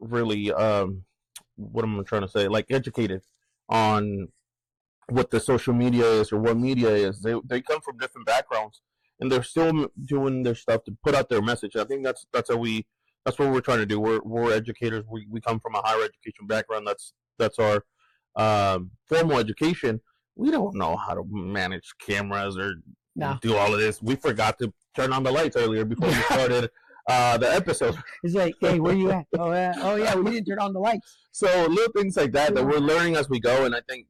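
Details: Adult male speaker; no speech disorder.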